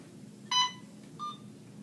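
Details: Two short electronic beeps from an IV infusion pump keypad as a nursing student programs a secondary piggyback infusion in a demo, in a quiet room.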